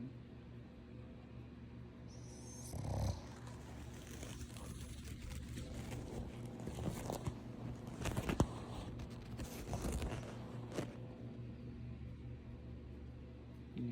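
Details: Boston Terrier dog asleep, snoring: low, rumbling snores with a few louder snorting bursts.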